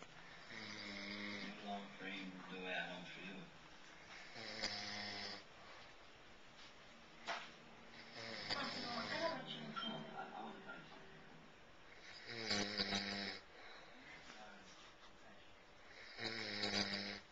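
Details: Loud, buzzing snores from a sleeping man after a long day at a fiesta in Spain, recurring about every four seconds with quiet breathing between.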